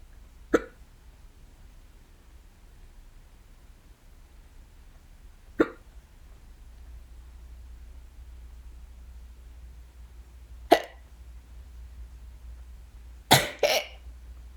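Five short, sharp hiccups over about fifteen seconds. The first three come roughly five seconds apart, and the last two come close together.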